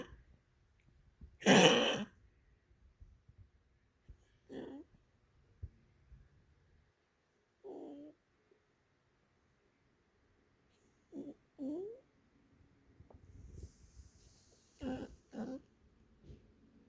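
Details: Pet coughing, reported as much more frequent: repeated short harsh coughing or throat-clearing bursts in a quiet room over several episodes.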